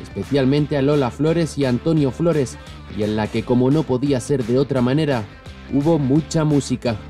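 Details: Adult narrator; normal speech.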